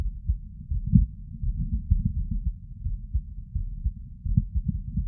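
Soft, muffled low thumps in a steady lub-dub pattern; ordinary heart sounds recorded while seated.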